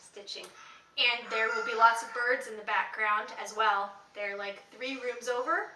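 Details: Adult woman speaking; Normal speech.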